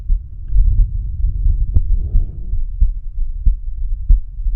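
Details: Heart sounds heard through a stethoscope bell at the aortic area; muffled low thumps with a steady low rumble; the person asks listeners whether the heart sounds healthy.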